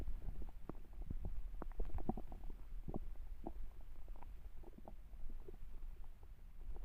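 Deep rumbling with bursts of gurgles throughout; a hungry stomach growling, ordinary bowel activity.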